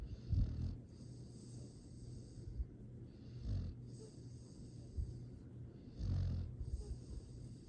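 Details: Foster rescue dog snoring happily in sleep: soft, low, snuffling snores with gentle snorts between breaths.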